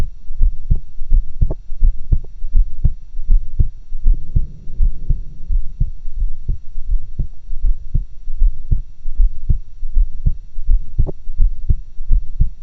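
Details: Own heart sounds recorded through two stethoscopes for a pseudo-stereo recording: steady low thumping heartbeat about 85 beats a minute, normal heart sounds.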